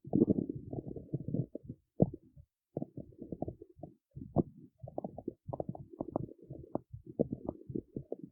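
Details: Stomach growling recorded in the city: long run of low gurgling, bubbling rumbles with short gaps, from gas and fluid moving through the gut.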